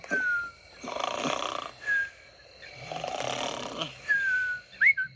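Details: Cartoon snoring from Piggy Tales: rasping breaths in and out, each followed by a whistling tone, "zzzz" style.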